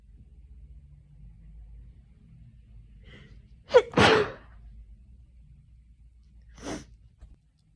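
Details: Single sneeze from someone coming down with an autumn cold caught from a coworker's sneezing fit: a quick inward catch of breath, then one sharp, loud sneeze and a fainter sound after, in a quiet room.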